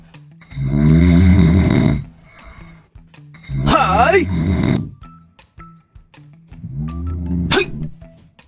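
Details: Owner snoring draws an agitated Border Collie's reaction: loud, low, rattling snores in three bursts about every three seconds, with a brief high dog whine and faint music; snoring.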